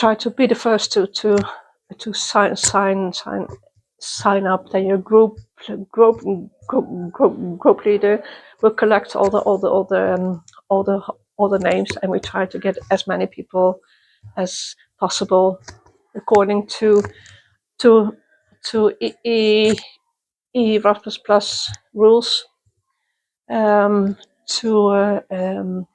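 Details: Adult woman who stutters, attending youth meetings for people who stutter since 1995; part-word and whole-word repetitions; stuttering.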